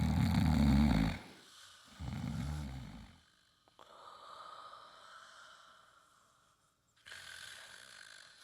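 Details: Loud, low, rumbling heavy snoring with fainter breathing between snores and a quiet gap, from a message that snoring in people who use drugs can be a warning sign of overdose.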